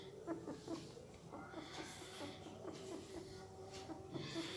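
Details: Sleeping newborn pariah dog pup: soft, repeated squeaks and whimpers with quiet mouth noises, sleep whimpering likely from dreaming.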